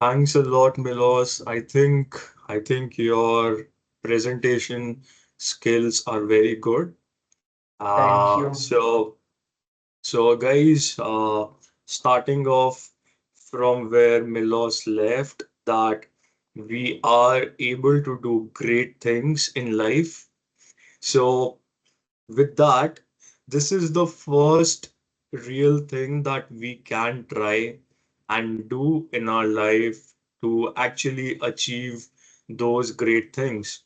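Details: Adult man who has stammered since early life, persisting into adulthood; stuttering.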